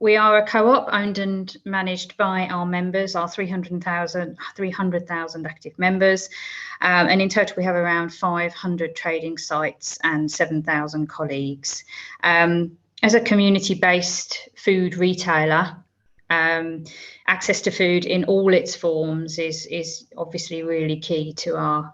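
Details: Adult woman speaking; ordinary speech.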